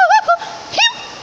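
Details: 20-year-old woman with Tourette syndrome producing a honk-like vocal tic in a hot rainforest biome, says heat affects her Tourette's; vocal tic.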